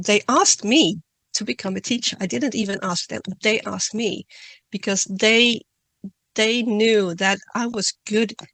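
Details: Adult woman who stutters, reading a prepared talk; word and part-word repetitions; stuttering.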